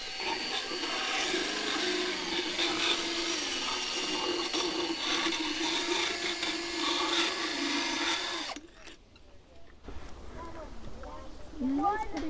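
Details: Steady high-pitched grinding for about eight seconds, then stopping, as a vet's motorized float files an Arabian mare's normal wear points; routine equine dental floating.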